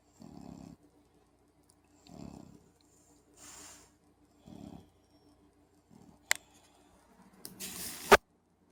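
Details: Sleeping puppy snoring, heard during a movie: soft, short snuffling snores about every two seconds, with a few bumps of room noise.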